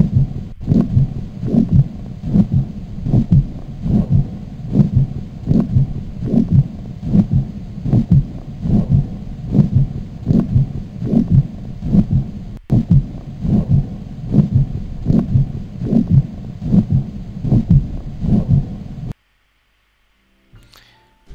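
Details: Aortic regurgitation murmur.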